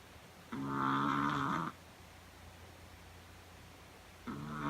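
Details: Minnie sleeping, exhausted after a long day of slalom skating practice: two low, humming snores about four seconds apart, separated by quiet room hiss.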